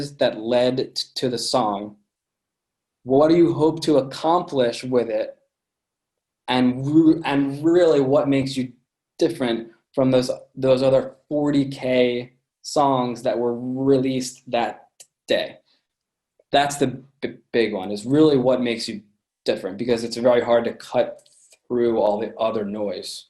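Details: Adult man with a lifelong stutter present since birth, which he says listeners can hear; stuttering.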